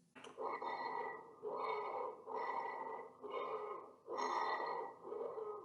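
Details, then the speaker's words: Repeated breaths with steady whistling, musical tones throughout from high-velocity airflow through severely narrowed airways; wheezes. "High velocity airflow through severely narrowed or obstructed airway produce this type of musical sounds. Wheezes can occur in such cases like asthma, chronic obstructive pulmonary disease, and lung infection."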